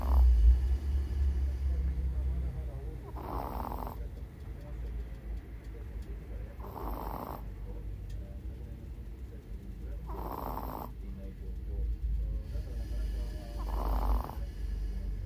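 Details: 16-year-old Chihuahua napping deeply in daytime, with cataracts and hearing loss: four soft rhythmic snores about every 3.5 seconds, roughly 17 breaths a minute, over steady low room noise; snoring.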